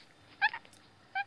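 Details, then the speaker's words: Two brief, high, thin squeaks against a quiet hum in intensive care: small early vocalisations of a very premature infant; normal early voice use. "oui les milieux aérien lui permet de découvrir sur larynx et de produire des petites vocalisation de 30mm damon ou"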